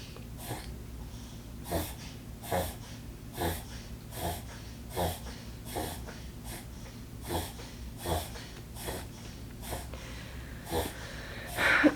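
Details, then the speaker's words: A pet (species not stated) sneezing in the background while its owner talks. "sorry you can hear that that's Luna she's sneezing Luna"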